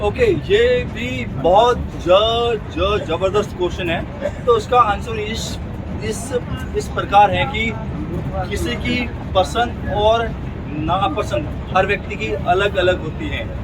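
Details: Man who stammers, a member of a stammering self-help group, speaking Hindi during speech practice on a train after a communication workshop; stuttering.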